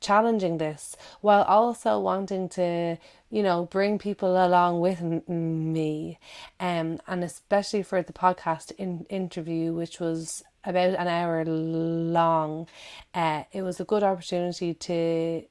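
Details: Adult woman who stammers, giving a recorded talk; repetitions of words and syllables audible; stuttering (stammering).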